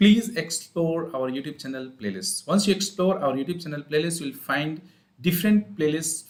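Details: Puberphonia in an 18-year-old male from Qatar, present for about 5 years, recorded before treatment.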